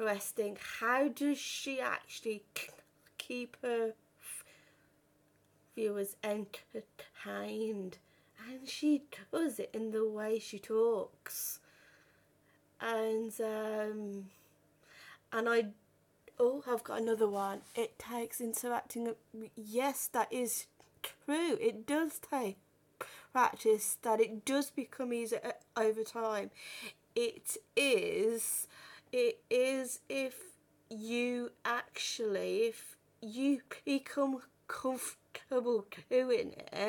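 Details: 32-year-old woman who has stammered since about age five or six, had speech therapy and breathing techniques at 15; stuttering.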